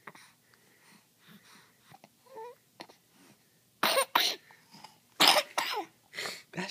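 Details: An infant girl, while trying to roll over, makes several short, breathy cough-like bursts imitating her father's cough, with soft babbling between.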